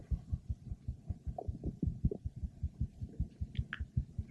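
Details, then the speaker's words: 28-year-old woman, seven months pregnant, stethoscope over her abdomen. Normal fetal heart sounds, with rapid, regular first and second sounds at about 130 beats a minute. "these are the normal fetal heart sounds of her unborn"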